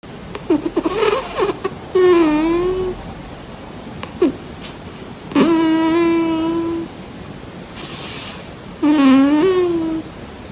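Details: A sleeping cat's unusual snoring: repeated high, squeaky whistling tones about every three seconds (roughly 17 a minute), with soft airy breaths between them.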